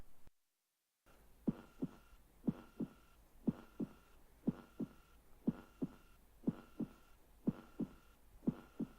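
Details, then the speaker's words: Example of a heart murmur: regular paired heartbeats at 60 per minute with a faint swishing or whooshing sound between beats. "here's an example of a normal heartbeat and here is an example of a heartbeat with a heart murmur"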